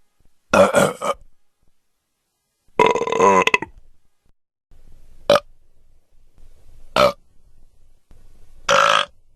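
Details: Five separate loud, throaty burps of varying length with silence between, from a sound-effect recording; burping.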